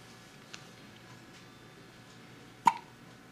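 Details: One-day-old baby girl with hiccups outside the womb: a single sharp, abrupt hiccup with a faint earlier one in a quiet room; normal newborn hiccups.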